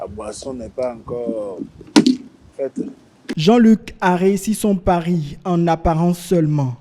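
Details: Adult narrator; normal speech.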